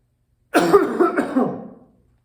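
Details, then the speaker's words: Voluntary triple cough, an airway clearance technique, by a male patient during a cough assessment: a deep breath, then three coughs while flexing the trunk and neck. "try to cough three times for me and then at the same time you're going to be flexing your trunk and your neck"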